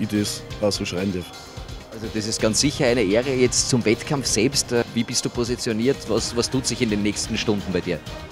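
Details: Adult male interviewer; normal voice.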